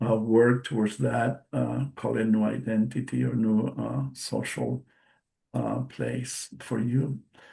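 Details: Adult male stroke survivor with post-stroke aphasia, non-native English speaker giving a presentation, with audible word repetitions and self-corrections; finding: aphasia.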